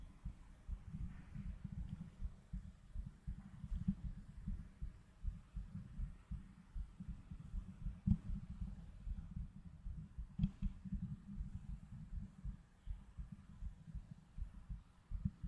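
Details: A streamer's own heartbeat picked up by a microphone during an ASMR stream, soft, low, muffled thumps at about 79 a minute with a faint background hum; a heartbeat.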